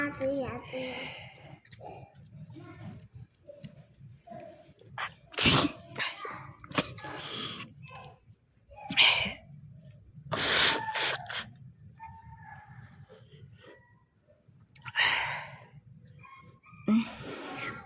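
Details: Tickle-induced sneezing: several sharp, explosive sneezes among voices and room noise; repeated sneezing.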